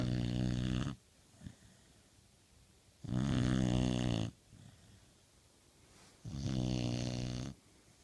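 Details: Snoring from a sleeping Pit Bull dog: loud, rattling snores on each in-breath with quiet gaps between, about 20 breaths a minute.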